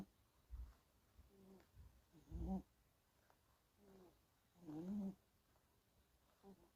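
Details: Soft, low, slightly squeaky snores with each breath, about 24 a minute, from a sleeping Scottish Fold kitten.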